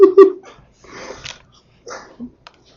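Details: Person sneezing: a couple of short vocal yips, then snorting, huffing breaths through the nose, like a small animal's sneezing snorts; noisy breathing.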